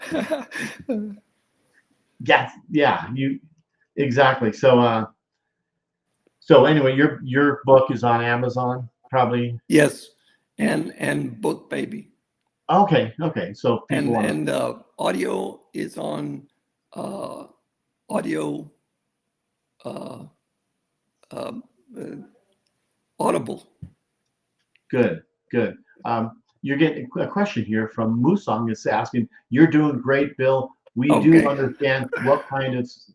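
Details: Aphasia in an adult male stroke survivor, acquired after a severe stroke, with over a decade of rehabilitation since; real patient.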